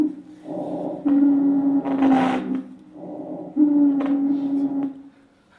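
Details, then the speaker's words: Typical wheeze, common in patients with asthma: musical, sustained tonal wheezes recurring with each breath. "And then it's just really common in patients with asthma, for example."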